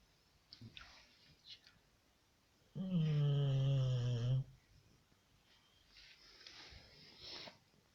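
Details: Staffordshire bull terrier dog gives one long, deep, droning, human-like snore lasting almost two seconds, with faint breathing before and after; snoring.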